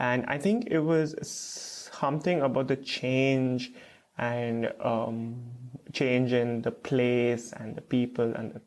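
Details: Stuttering with blocks in an adult man who has stuttered since about age 3 to 3.5.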